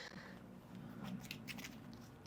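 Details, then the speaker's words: A faint, low gurgling rumble from an adult's stomach while playing a card game, with light clicking of cards in a quiet room; stomach growling (borborygmi). "you can hear that that is my stomach growling"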